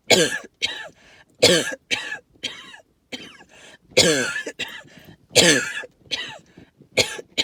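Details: Wheezing with hacking cough, linked to tree pollen and mold spores: about a dozen harsh, hacking coughs in seven seconds, several with a whistling, wheezy tone.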